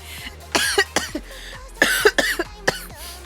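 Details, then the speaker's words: Repeated harsh, dry coughs in quick bouts with throat-clearing between, from a person with a summer cold; cough due to summer cold. "아니 씨 개도 안 걸린다는 여름 감기를지 나는 왜 걸리고 자빠지고 있는 건가 잘 모르겠어"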